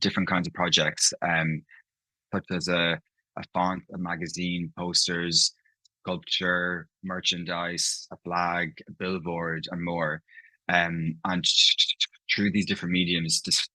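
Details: Adult man speaking about his own stammer; stammering (stuttering).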